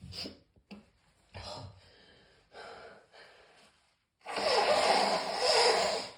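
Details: Morning cough: a few rough coughs and breathy gasps, then a long harsh throat-clearing hack; a loose morning cough.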